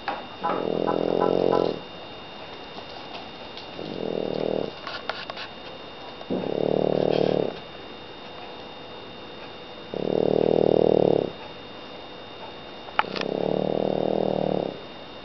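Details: A sleeping French bulldog snoring in steady, rhythmic rattling bursts, about 20 breaths a minute.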